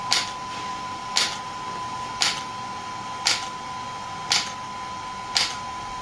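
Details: Shockwave therapy device (SW5S, used for ED and plantar fasciitis) firing sharp, regular clicking pulses about once a second over a steady tone and hum, applied with gel while the patient's feet rest on a support.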